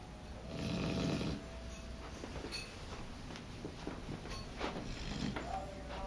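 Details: Black lab/border collie puppy sleeping with eyes open: one loud, rumbling snore on an in-breath, then quieter snuffling breaths, faint room noise; dog snoring.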